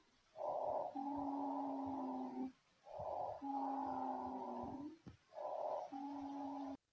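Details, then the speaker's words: Sample wheezing sound played in a physiology case presentation on bronchoconstriction or airway obstruction: steady whistling, musical tones through each breath, about three breaths heard. "So that's a wheezing, no? There's a bronchoconstrictive or there's obstructive that's happening to the patient."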